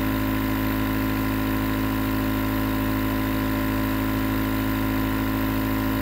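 Steady, loud mechanical hum and hiss of a running nebulizer compressor, unchanging throughout; normal device operation.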